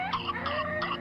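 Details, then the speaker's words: Infant with pertussis (whooping cough): high-pitched, crowing, drawn-in sound, the inspiratory whoop. "soy jennifer lópez y este es un sonido que ninguna madre quisiera escuchar es la pertussis tos ferina y si es penoso escucharlo por 60 segundos imaginen oído una y otra vez por una hora o dos"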